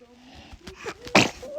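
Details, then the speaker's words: Baby sneeze: small breathy lead-in, then one sharp, burst-like infant sneeze with an adult voice briefly in the background. "Oh, goodness. Were you about to sneeze? Whoa!"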